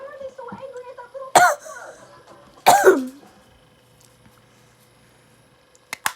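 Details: Person who says they can't stop coughing: two harsh cough bursts between soft voice sounds in a small room, then two brief faint bursts at the end; repeated coughing.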